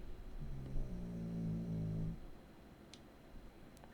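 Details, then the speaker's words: Loud, low, rumbling, buzzy snore lasting about two seconds from a sleeping female pet dog, over faint room noise; snoring. "Man, my dog is snoring."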